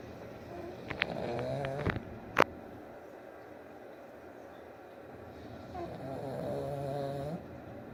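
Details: Two drawn-out, buzzing snoring breaths several seconds apart with a sharp click between them, low room noise: snoring.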